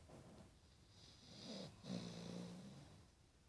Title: Staffordshire Bull Terrier Snoring